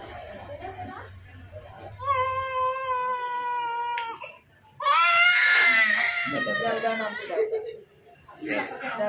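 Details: Baby boy's pain cry after ear piercing with a piercing gun: sudden loud, high-pitched wailing in long bursts with brief pauses for breath, with adult voices nearby.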